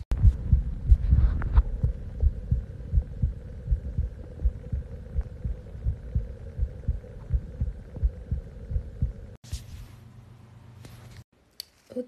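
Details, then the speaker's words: Muffled, steady heartbeat at about 90 beats a minute, heard through a phone pressed against the person's own chest; normal heartbeat. "i'm doing the putting your phone against your chest to hear your heartbeat okay"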